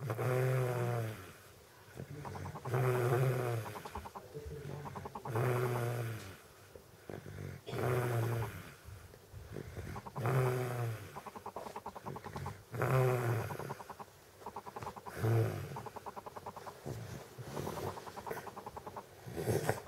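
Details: Sleeping baby with Down syndrome snoring: regular low, rumbling snores with each breath, about 24 breaths a minute.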